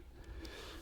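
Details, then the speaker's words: Brief, deep rumbling snort from an anaesthetised rhinoceros lying sedated during dehorning, just before the intravenous reversal drug is injected; snoring under anaesthesia. "i'm going to wake him up now and that involves a intravenous injection of a final like up drug you can hear him snoring away there"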